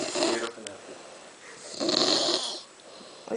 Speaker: so this is how papa sleeps i mean papa snores like this